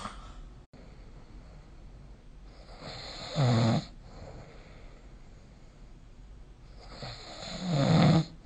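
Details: Snoring during sleep recorded with the SnoreLab phone app: two loud, low rattling snores on inhaling, about four seconds apart, with quiet breathing between them.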